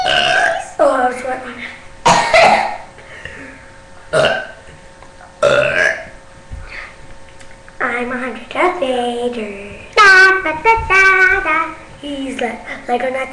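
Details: Deliberate burping: a series of loud burps, some drawn out and voiced, from a young person; repeated belching.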